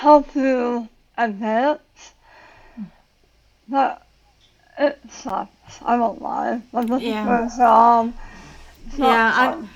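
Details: Adult woman about 9 years after tongue cancer surgery with tongue reconstruction using a leg flap, plus radiation; had to relearn talking, worse when tired, some words she cannot say; articulation disorder after glossectomy.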